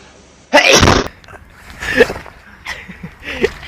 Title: hedgehog sneezed everyone fell